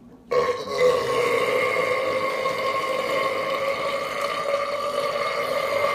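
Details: Man's burp: a single long, drawn-out belch holding a steady, droning pitch for about five seconds.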